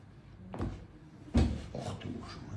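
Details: Young woman with back pain during chiropractic spinal and neck manipulation after a pre-tensioning stretch: two short, sharp joint pops with a dull thud.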